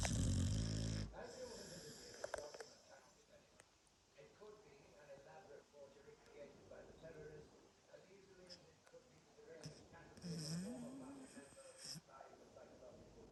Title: Dog snoring funny dog videos